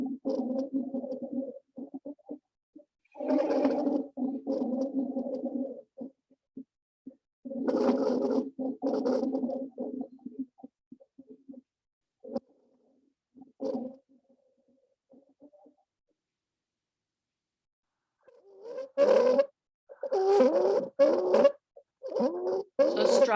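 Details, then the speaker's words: Library teaching recording of stridor: loud, high-pitched musical crowing on breaths, repeating in long harsh bursts, a sign of upper airway narrowing. "is never a good sign the likelihood is if you're hearing strider we're we're in stage wherever we are i i very rarely hear strider in my practice"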